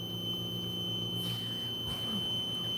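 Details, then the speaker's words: Home oxygen concentrator used by a person who wears oxygen: a steady high-pitched electronic alarm tone over a low machine hum, which she says will stop in a minute. "Sorry about that noise. That's my um oxygen concentrator, but it will stop in a minute. I promise."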